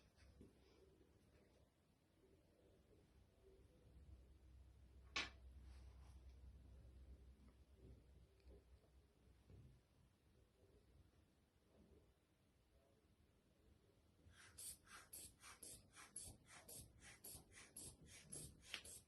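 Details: A quiet room with low hum and a single click, then a quick run of rhythmic hissing squeezes as a manual cuff is pumped up on a standard sphygmomanometer for blood pressure measurement.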